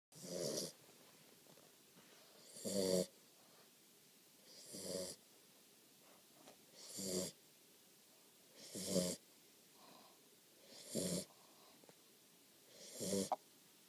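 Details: Sleeping Catahoula puppy snoring: soft, regular snorting snores, about seven in fourteen seconds (roughly 30 a minute), in a quiet room.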